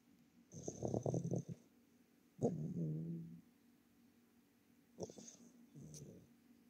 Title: the Princess Snoring